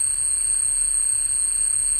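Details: Simulated screeching tinnitus: a steady, piercing high-pitched tone over a low rumbling hiss.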